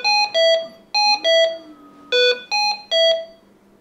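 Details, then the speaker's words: Repeating groups of loud high-pitched melodic beeps from a HAMILTON-C1 ventilator, the audible alarm returning when an alarm condition persists after the two-minute alarm silence ends; ventilator audible alarm. "if the alarm condition persists after the two minutes have passed the audible alarm"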